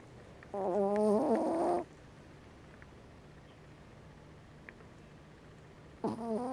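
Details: Two loud, buzzing, tonal snores about five seconds apart from a small sleeping cat, described as exhausted and snoring like a lumberjack, with quiet room noise between them.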